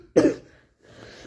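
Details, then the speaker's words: Cough from a person with a heavy cold diagnosed by a doctor, slight fever about 37.5 °C and a nosebleed; the cough affects the bronchi and throat. A single loud, harsh cough, then quiet room noise. "Sentez quand je tousse, c'est un truc de malade. C'est une toux qui attaque mes bronches et qui attaque la gorge."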